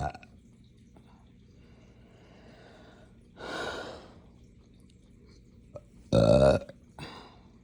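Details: Hiccups with belching brought on by drinking morning coffee too fast on an empty stomach: a breathy exhale, then a loud, abrupt belch and a smaller follow-up in a quiet room.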